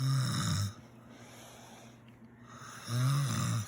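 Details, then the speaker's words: Two loud, low fluttering snores separated by quiet breathing, from floppy upper-airway tissue in the neck; lifting the chin into sniffing position elongates the neck and relieves it. "you can hear this noise which is really um just floppy floppiness in here and you can see if I just push his chin up so something the RT showed me it elongates that neck and so that floppiness isn't something he has to battle against anymore"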